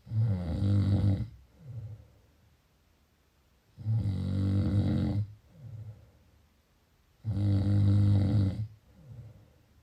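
Loud rattling snores on each breath in, softer sighing breath out, about three cycles in ten seconds; snoring during sleep.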